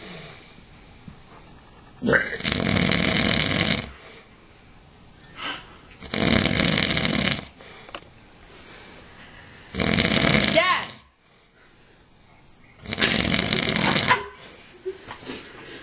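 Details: Loud, harsh, rattling snores on each in-breath, four in about sixteen seconds (roughly fifteen breaths a minute), from a father sleeping on a couch; snoring.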